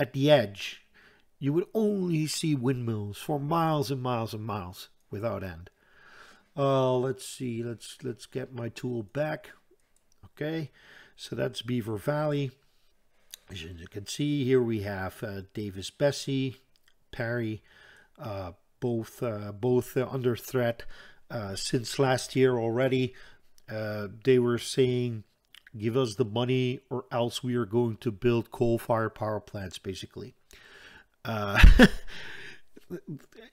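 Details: Stuttering in an adult Dutch man who says he stutters audibly all the time, with a stutter in which he hangs up between his words; word repetitions in this stretch.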